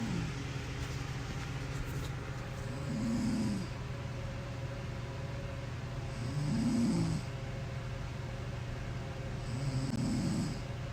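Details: Loud snoring from an adult woman who says she doesn't snore: three deep rumbling snores about every three and a half seconds, near 17 breaths a minute, over constant background hum.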